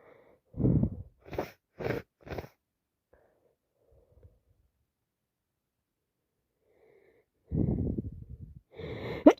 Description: allergies and bad cold makes me sneeze so much with no break #achoo #cold #snotty #sniffles #snot #commoncold #sendhelpplease #blowup #toosick #sick